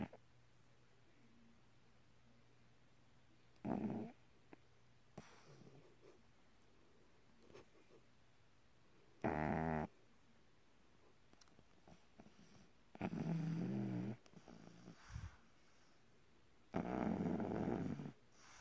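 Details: Several rough, rattling snores spaced several seconds apart in a quiet room: snoring.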